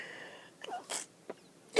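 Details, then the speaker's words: Allergic sneezing in a person who ran out of antihistamines, with watering eyes, a running, tickly nose and a fading voice: a short indrawn breath, then a sharp, hissing burst of a sneeze. "I'm so tired of sneezing. I'm gonna try and hold it back. Normally that makes it worse, but I'll do anything."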